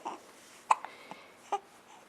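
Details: A 5-week-3-day-old baby girl, babbling, has hiccups: one strong short sharp hiccup, then a softer one about a second later, with faint babbling.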